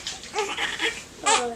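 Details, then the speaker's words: Four-week-old boy, unsettled straight after bottle feeds, gives brief fussy, wavering cries in a small room at a chiropractic visit; described as an uncomfortable cry; forceps delivery, neck problem noted; infant cry. "so he's unsettled pretty much straight after eating yeah Australia it's really uncomfortable cry is that"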